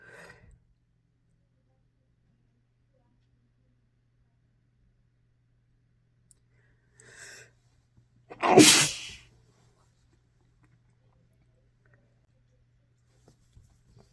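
A single sharp, explosive sneeze after a faint intake of breath, otherwise quiet room with a low hum.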